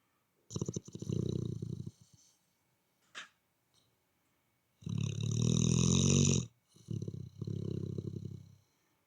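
Loud, rough snores with a rattling low flutter, three long snoring breaths over about nine seconds with a brief snort between.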